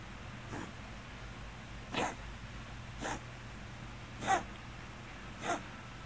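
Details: Hiccup-like cough in a Scottish Fold cat with hypertrophic cardiomyopathy, occurring occasionally since diagnosis and frequent recently (sometimes louder): five short, abrupt coughs at irregular intervals over about six seconds.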